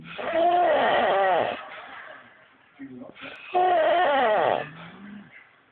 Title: Extreme snoring